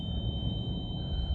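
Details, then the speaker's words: Simulated tinnitus: a film sound effect of a steady high-pitched ringing tone over a low rumble; the viewer says he constantly hears this sound in his right ear. "ce son-là, c'est ce que j'ai dans l'oreille droite constamment. C'est pas du tout relou."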